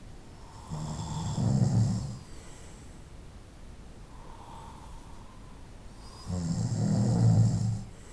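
Loud, deep rattling snores on each breath in, about five seconds apart, with quiet breathing out between: snoring.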